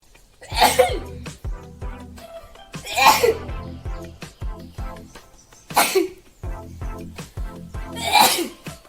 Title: sneezing challenge by indian girls